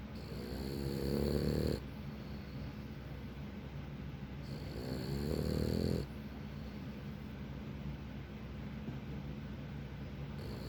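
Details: Loud, rattling snores about four seconds apart from a sleeping Frenchton dog over steady room noise; snoring.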